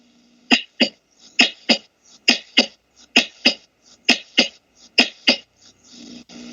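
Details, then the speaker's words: Regular paired lub-dub heart sounds at about 67 beats a minute during an auscultation demonstration of normal S1 (atrioventricular valve closure) and S2 (aortic and pulmonary valve closure); normal first and second heart sounds. "hay dos ritmos el r1 es el primero el siguiente ritmo es el r2 que éste se produce al cierre de las válvulas"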